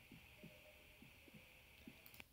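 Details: Very faint paired heart thumps, about 65–70 a minute, under a steady electrical hum, recorded with a homemade digital stethoscope and played at normal gain, very quiet; normal heart sounds.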